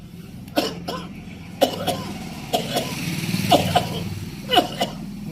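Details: Adult pulmonary tuberculosis patient recorded in a field app for AI-based TB detection: five short bouts of paired dry coughs over an engine-like hum.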